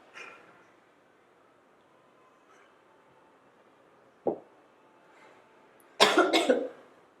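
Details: Acted demonstration cough: a single short cough, then a quick burst of three harsh coughs in a quiet room; cough, illustrating productive versus nonproductive (dry) cough.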